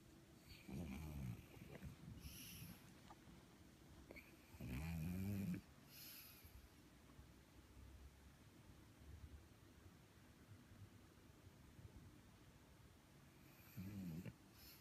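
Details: Pug with a very flat face snoring: low, fluttering snorts and grunting snores at irregular intervals over steady room noise.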